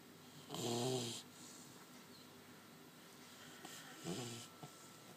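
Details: Two rough rattling snores about three seconds apart from a sleeping animal named Duke.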